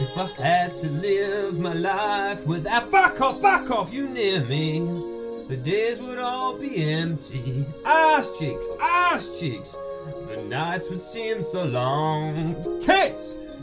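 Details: Singer with Tourette syndrome singing karaoke over music, with interjected swear words and obscene words interrupting the lyrics; vocal tics with coprolalia (Tourette syndrome).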